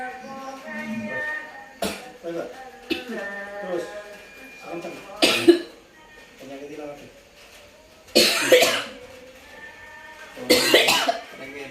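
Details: Harsh coughing bursts with throat clearing and retching-like straining between them; cough strong enough to cause gagging.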